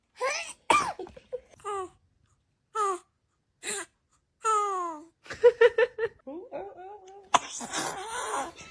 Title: Newborn sneezes#baby #cute #funny #tiktok #love